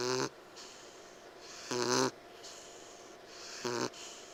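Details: Bogey, a piglet about 10 weeks old weighing 13 lbs, breathing noisily while asleep: loud, tonal, snore-like in-breaths about 33 a minute, typical of upper airway narrowing. The vet says he sounds like a bulldog. Antibiotics and Benadryl did not help.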